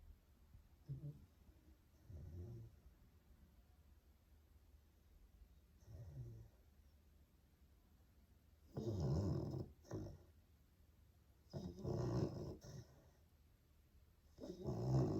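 Soft, uneven snoring breaths that grow louder and rougher toward the end, about every three seconds.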